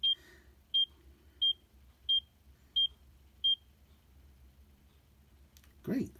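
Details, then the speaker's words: Check Me Pro handheld ECG on the left palm, thumb and index finger on the sensors, 30-second recording: pulse beeps reading about 80; result heart rate 85, normal regular ECG rhythm. "so it's checking for the ecg right now it's has a 30 second calibration it's going to check for 30 seconds right now it's already reading your pulse rate at 80 minus"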